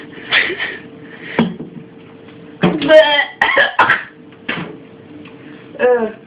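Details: Adult coughing after inhaling a cloud of cinnamon powder: repeated harsh coughs with voiced, gagging sounds; an irritant cough.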